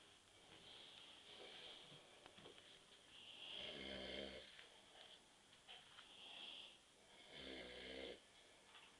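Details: An adult man asleep on a sofa after drinking too many beers gives rhythmic rattling snores on each in-breath, about three breaths in nine seconds, with quieter breathing between.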